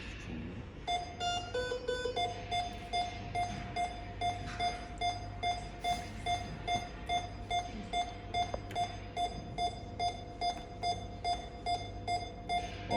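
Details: Steady, regular short electronic beeps, about 146 a minute, from a 12.1-inch multi-parameter patient monitor during an SpO2 oxygen saturation demonstration, reading shown as high; quiet room noise behind.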